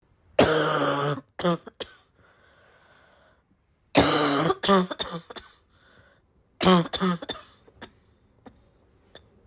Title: bad barking cough fit